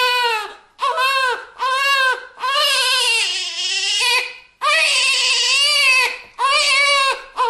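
A newborn cries in about seven loud, high-pitched wails, some short and some drawn out, with quick breaths between them, in a small room.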